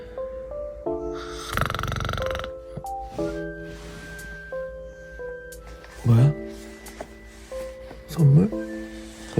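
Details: Acted imitation of a husband's snoring, described as tired and snoring a lot: a rough snorting burst, then two loud, low, sweeping snores over background music.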